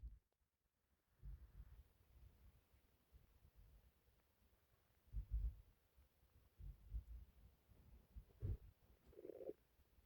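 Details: Quiet, odd noises from a person's stomach, part of a short compilation of stomach sounds: bowel sounds (borborygmi).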